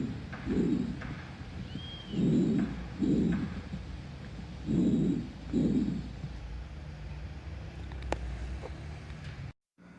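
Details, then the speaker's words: Bronchovesicular breath sounds, as heard on auscultation in lung cavitation syndrome: soft breathing with inspiration and expiration of similar length. "durante ao aos cultos só um será broncovesicular ea ressonância vocal vai estar aumentado e esse é o som broncovesicular"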